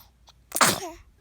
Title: Sleepy and sneezes!